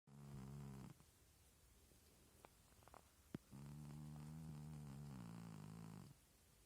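Two long, low, buzzing snores with a flapping, raspberry-like quality, separated by a quiet pause; snoring in a cat.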